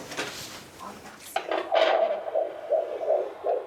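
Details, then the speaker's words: Fetal heartbeat on Doppler at a midwife appointment for a pregnant teenager, possibly 17-year-old Joan at 12 weeks: after static, rapid whooshing pulses at roughly 160 per minute. "So, we'll have a listen to the heartbeat."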